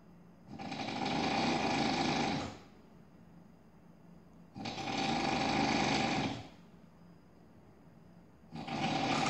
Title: Drill, Jackhammer, Chainsaw, or just the sound of snoring?